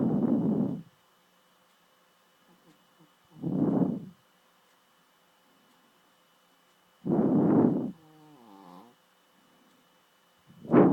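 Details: Adopted female dog snoring loudly in sleep: rough, rumbling snores about every three to four seconds with quieter whistling breaths between; ordinary snoring.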